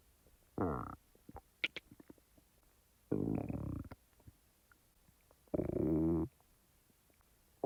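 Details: Person's own stomach sounds, recorded and edited rather than in real time: three loud gurgling rumbles with faint clicks between them; normal bowel sounds (borborygmi).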